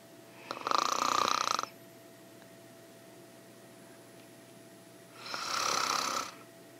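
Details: A woman snoring with deep breathing: two loud, rough snoring breaths about five seconds apart, with quiet room hiss between them.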